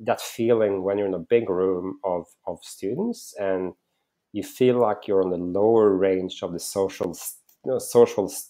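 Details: Adult male with real stuttering that he says is audible when he speaks; stuttering.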